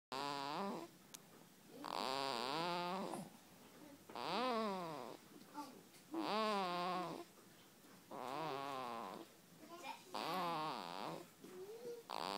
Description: It's a baby. That's snoring.